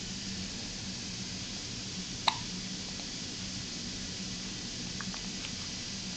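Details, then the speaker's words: Infant son, in his first video, with hiccups being filmed: a single sharp hiccup click breaks a quiet stretch of low room hum. "look at dad say hi to the camera you got the hiccups everybody was looking at you trying to get rid of the hiccups"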